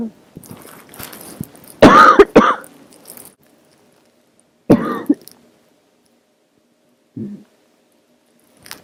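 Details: Barking cough from a sick adult, throaty cough turning into barking for the first time: harsh throaty coughs, a loud double bark, then a lone cough and faint throat clearing.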